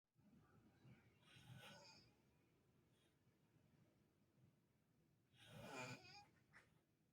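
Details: Father asleep in a hospital room while visiting his hospitalized child, snoring on even when nurses came in: two rough, rattling snores about four seconds apart, with faint breathing between.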